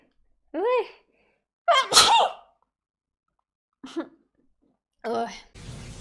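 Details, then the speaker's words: Female gamer who sneezes at a bad moment: a voiced intake, then one abrupt explosive sneeze and a few brief vocal sounds; sneezing. "Блин очень не в тему чихнула и сейчас буду чихать"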